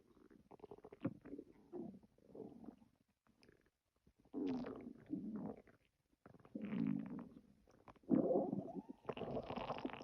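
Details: Ordinary stomach growling: irregular low gurgling and rumbling bursts from the belly.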